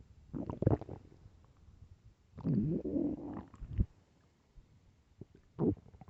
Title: LOUD starving stomach growls (headphones) part 2